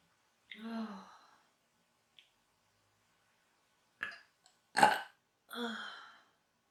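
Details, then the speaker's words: Adult woman with hiccups brought on by induced burping: short, abrupt voiced gulps and catches separated by silence, mixed with burp-like sounds. "Oh, it's giving me the hiccups too now."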